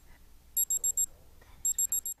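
Two quick sets of four shrill electronic beeps from a digital thermometer, signalling that the temperature reading is ready.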